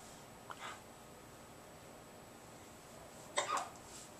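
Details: 9-month-old girl who has been crawling for a while: two faint, sharp hiccups a few seconds apart over a steady room hiss; ordinary hiccups.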